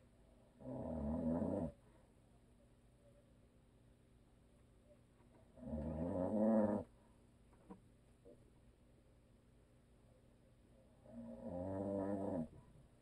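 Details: Husband who always snores, recorded for ASMR with no video: slow, loud rumbling snores, about 11 a minute, separated by quiet pauses.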